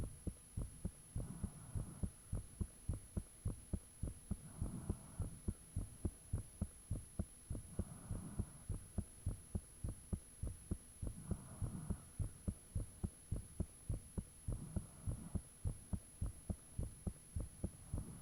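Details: Strong, regular paired thumps of the recorder's own heartbeat, about 105 a minute, low steady hum behind, valve and blood-rushing sounds audible, recorded soon after their heart began feeling unusually thumpy; heartbeat.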